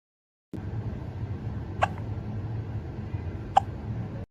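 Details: A cat hiccuping after eating its food too fast: two brief, sharp clicks about two seconds apart over background hiss; hiccups.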